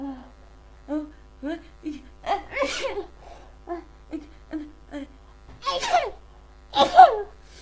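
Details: Huge sneezing fit, cause uncertain (cold or allergies): repeated short catching inhalations building to several forceful sneezes.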